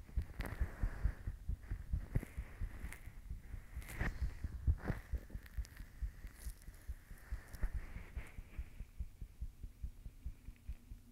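Soft, regular low thumps of a heartbeat with some crackly handling noise; an ordinary heartbeat.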